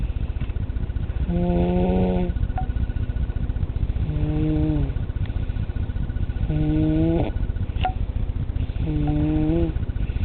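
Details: A 2-year-old child with stridor: a harsh, musical, high-pitched noise with each breath in, from a narrowed upper airway; stridor.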